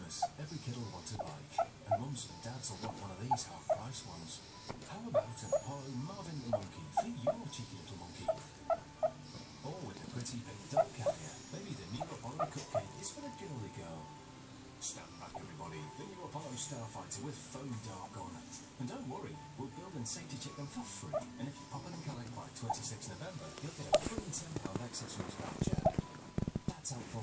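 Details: A sleeping dog gives soft muffled whimpers and woofs with snoring, heard over a loud television in the room: sleep vocalizing and snoring in a dog.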